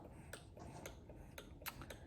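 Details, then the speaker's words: Mother's Lansinoh electric breast pump just switched on, running its fast letdown phase before the slower milk-collecting tempo: soft rhythmic mechanical ticking and clicking over room noise; electric breast pump running. "this is my Lancino, I just cut it on. It has a letdown process over here."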